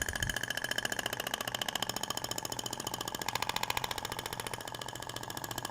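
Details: THORK radial shock wave (ESWT) applicator moved over the abdomen, avoiding rib prominences and umbilical scar: rapid, steady mechanical tapping at about 210 pulses a minute.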